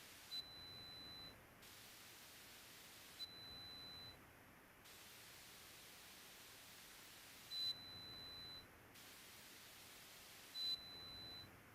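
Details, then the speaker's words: Pure tone audiometry threshold search, where intensity is raised in 5 dB steps until two of three ascending responses: four brief high-pitched pure tones at irregular intervals over soft hiss. The audio is edited for ASMR. "At this point, the intensity level is increased in five decibel increments until a response is obtained. This is repeated until the client has responded to two out of three ascending presentations."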